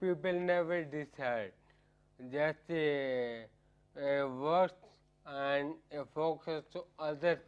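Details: Adult man with ataxia for about 10 years, which affects coordination of speech and tongue muscles, causing slurring and disturbing his speaking; ataxic dysarthria.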